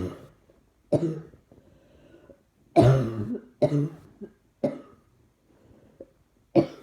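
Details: Repeated coughing that worsens when trying to suppress it: six harsh, low coughs in bursts about a second apart, with quiet breathing between them.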